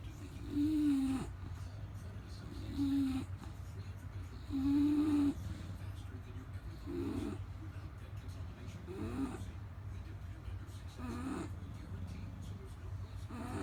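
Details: Snoring from a sleeping dog: soft, irregular snorting and whistling snores every few seconds over low steady room hum.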